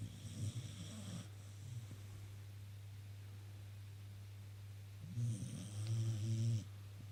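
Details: Two drawn-out, whistly snores about five seconds apart with quiet breathing between, over a steady low electrical hum; a sleeping pet snoring.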